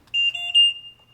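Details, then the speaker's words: Trilogy 100 portable ventilator, demonstration unit, powering on: a short high-pitched electronic alarm tone of about one second, its normal self-check before it starts running on its own. "it does a little alarm does a little self check before it starts running on its own"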